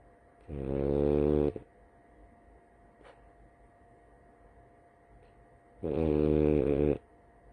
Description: My Frenchie, Blue, getting her nap on. 😴